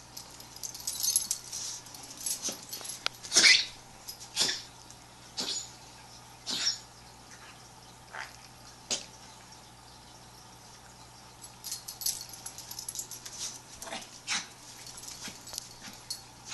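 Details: Dog Pepper gives a series of short, dry, hacking coughs separated by pauses.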